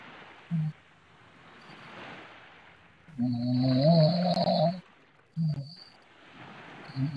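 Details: Man asleep: a loud, rough, snorting snore lasting over a second, with shorter snorts before and after, amid room noise; heavy snoring.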